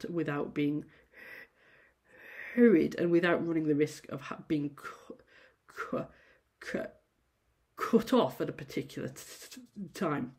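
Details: Adult female university lecturer who says she stammers; prolonged and repeated sounds at word starts; stuttering.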